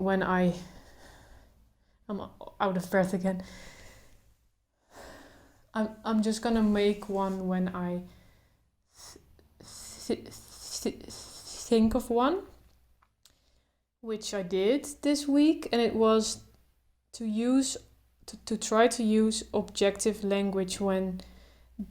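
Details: Adult woman who stutters, speaking without trying to control her stutter, including blocks; stuttering.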